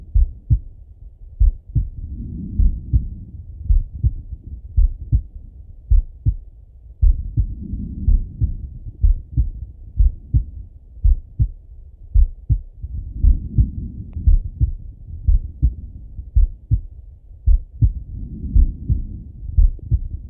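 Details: A male's slow, steady heartbeat through a stethoscope at about 56 beats a minute, with soft breathing swells.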